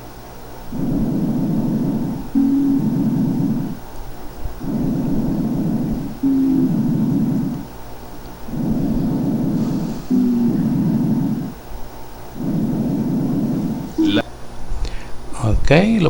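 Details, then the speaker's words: Chest auscultation teaching recording: hollow, resonant amphoric blowing breath sounds in four regular cycles, as over the emptied cavities of tuberculosis in the resolution stage, not yet fibrosed. "botella y se genera un sonido de que anna lógicamente se parece mucho a este soplón fólico de pacientes con tuberculosis en etapa de resolución que ya no tiene abscesos"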